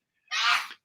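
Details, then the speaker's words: Child's sneezing fit upstairs, heard at a distance: a single brief, sharp sneeze preceded by a short intake of breath. "my my son's having a sneezing fit upstairs if anybody can hear that I thought wonder if you had a parrot no no no parrot no"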